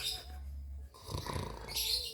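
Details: Deep, rumbling snoring from a sleeping adult man, an uncle lying near a baby, with some hissy room noise around it.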